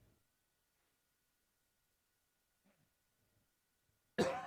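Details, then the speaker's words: A single sharp, loud adult cough breaks a near-silent stretch during a talk podcast, and the speaker then apologizes for the cough. "Sorry. Stupid cough."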